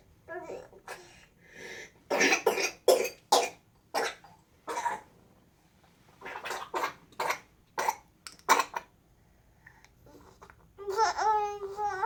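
A child coughs in repeated bursts, with a brief voiced cry or whimper at the end.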